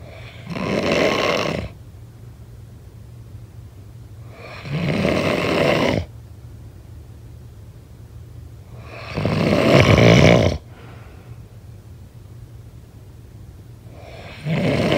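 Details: Heavy snoring during sleep: loud, rasping snores on each breath, about 13 a minute, with quiet pauses between.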